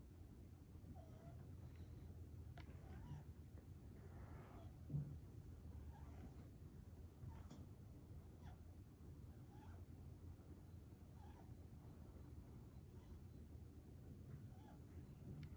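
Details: Sleeping New Zealand rabbit snoring lightly: faint, rhythmic snuffling breaths roughly every one and a half seconds over a steady low room hum.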